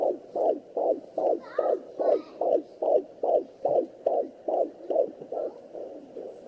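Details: Fetal heartbeat at 19 weeks 4 days on a Sonoline B handheld Doppler: rapid regular whooshing at about 140 per minute with scraping bumps from kicks; displayed rate inaccurate due to movement.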